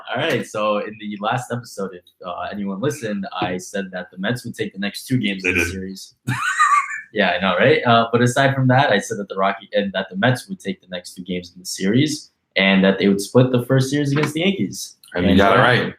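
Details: Adult male speaker, podcast conversation; Normal conversational speech.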